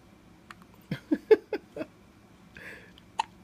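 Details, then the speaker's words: Two-week-old baby with hiccups shaking his whole body: a run of short, sharp, jerky voiced gasps about one every quarter second in a quiet room. "you got the hiccups oh baby his whole body shaky"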